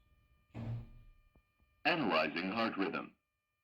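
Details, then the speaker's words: Synthetic voice prompts from an automated external defibrillator (AED) over a faint steady tone, advising a 150 J shock for simulated ventricular fibrillation during defibrillator calibration testing. "в цьому випадку апарат рекомендує дефібриляцію з енергією 150 дж"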